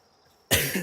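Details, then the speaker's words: A single abrupt, harsh cough after a brief quiet; the speaker says he is coughing up a lung and already feels drained. "just because, as you can hear, I'm coughing up a lung and I'm already getting drained."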